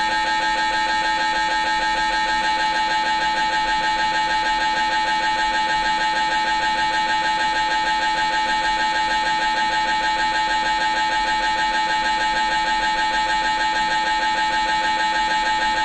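Loud, steady, rapidly pulsing mechanical buzz at about three pulses a second, typical of an MRI scanner running a sequence.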